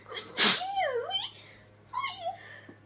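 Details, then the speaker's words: One sudden, loud, explosive sneeze followed by startled exclamations and remarks about something flying out of the nose, with faint room hum underneath; a single ordinary sneeze. "oh Jesus Oh you gave me the sneezes I did not give I called something flying out of your nose"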